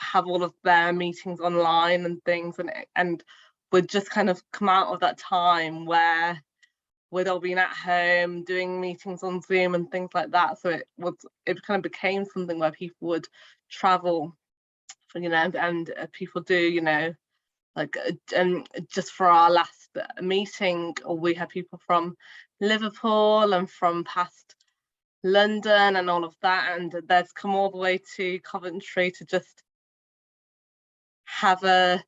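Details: Woman, a primary school teacher who stammers and has had speech therapy since childhood; stuttering.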